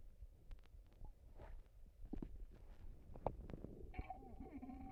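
Soft gurgles and bubbling rumbles from the stomach, ending in a longer squeaky gurgle; ordinary bowel sounds.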